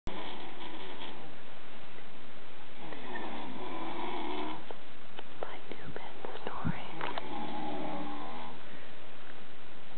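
Repeated long, rough, fluttering breath noises over a steady background hum, consistent with snoring.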